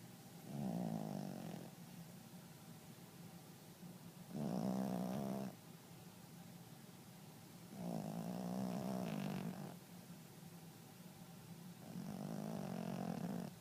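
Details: Dog snoring loudly: four loud, low, rumbling snores roughly every three to four seconds, with quiet out-breaths between.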